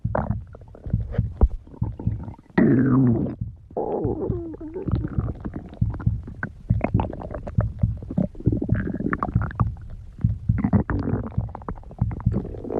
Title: May stomach growling